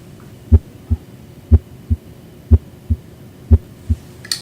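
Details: Normal heart sounds over the left ventricular apical impulse, with the adult male patient in left lateral decubitus position during a cardiology exam: regular lub-dub at about 60 beats a minute, clear S1 and S2, no added sounds.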